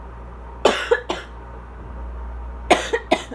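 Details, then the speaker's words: Adult with asthma and allergies, congestion that does not clear: two bursts of coughing, each a quick cluster of harsh coughs with a slightly wet, congested edge. "just stays there. I don't know if y'all can hear that, but Lord have mercy. My poor neighbors."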